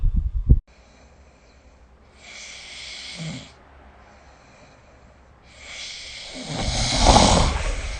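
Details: Snoring during sleep, recorded with the SnoreLab phone app: two slow, noisy breaths, the second a loud rattling inhalation with low fluttering. Snoring.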